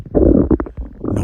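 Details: Stomach growling recorded close up on a real girl: a brief, loud, low gurgling growl with bubbling pops.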